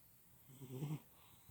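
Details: Cat snoring while napping: a single soft, low rumbling breath in a quiet room, a brief snore.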